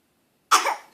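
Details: A young child gives a single short, forced cough at 6 am to get a parent's attention while the parent is at the computer; the child is not sick, so this is a voluntary fake cough.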